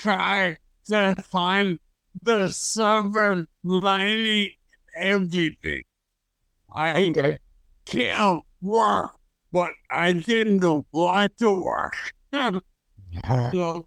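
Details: Stroke survivor with fragmented, paraphasic speech; aphasia.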